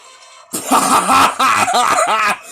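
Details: A person playing Mario Kart coughs a lot after a funny moment, giving a run of harsh, voiced coughing bursts mixed with laughter, with game music faintly behind.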